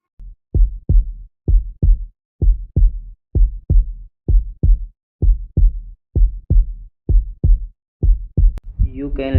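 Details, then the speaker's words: Normal simulated heartbeat: regular paired lub-dub at about 62 beats a minute; first sound from mitral and tricuspid valve closure, second from semilunar valve closure. "first sound is love second sound is D first sound due to closure of by cased and Tred valway second sound due to closure of semi lunar Val"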